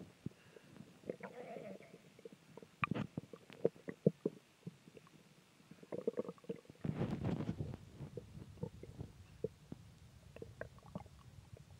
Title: Stomach Growling